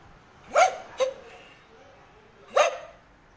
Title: The dog barking is hoarse